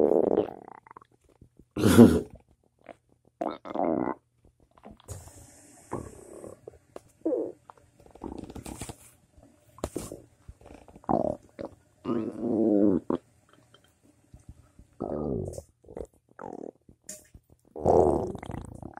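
Irregular gurgling and rumbling bursts of varying pitch separated by quiet gaps; ordinary bowel sounds (borborygmi).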